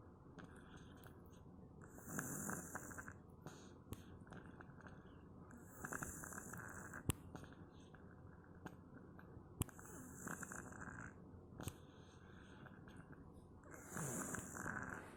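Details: Loud snoring from a sleeping cat: soft, rough, hissing breaths about every four seconds, roughly 15 a minute, with light room noise.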